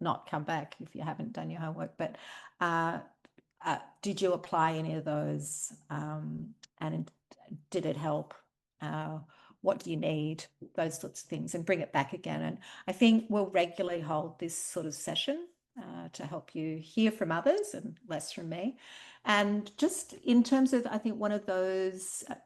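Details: Adult woman speaking; normal speech.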